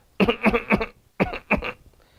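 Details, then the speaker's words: Adult homeopath imitates a cough with constant tickling in the larynx preceding or accompanying it: two runs of short, dry, hacking coughs; tickling cough. "that's a tickling in the layering and that's constantly associated with the cup that's a constant tickling"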